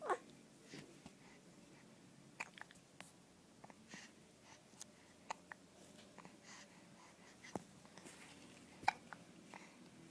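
Repeated soft, abrupt hiccup clicks at irregular intervals in a quiet room, with faint breathing between them.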